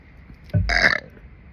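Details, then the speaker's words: Adult deliberately burping: a single loud, drawn-out voiced belch of about half a second over quiet room noise, with what she describes as a little hiccup attached at the end. "that at the end sound like a little hiccup attached to the burp what was that"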